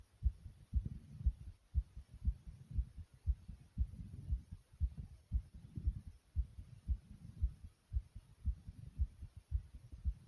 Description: Not only is my heart beating fast and hard, but you also hear my stomach. growl a few times as well.